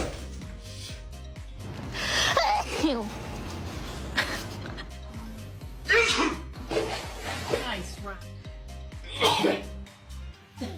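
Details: Cat sneeze attack: about five forceful sneezes at irregular intervals over background music; a sneezing bout.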